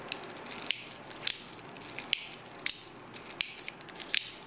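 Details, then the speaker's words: Sharp irregular plastic clicks and ratcheting over quiet hiss from a disassembled Advair Diskus dry-powder inhaler as the lever turns and the sprocket advances the next medication pouch. "as you turn this lever the next sprocket grabs the next little pouch and pulls it along the track"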